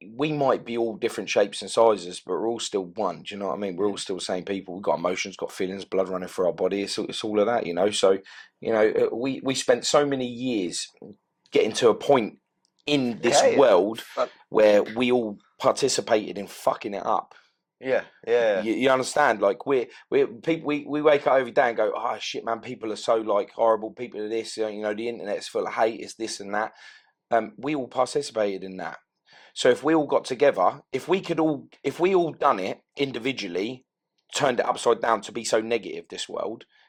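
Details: Adult male speaker; ordinary speech.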